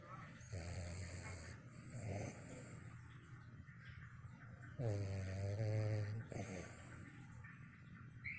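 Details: Dog snoring really loud in sleep with eyes twitching: rattling snores, some with a buzzing tonal edge; he briefly wakes to a TV alarm, then falls straight back asleep.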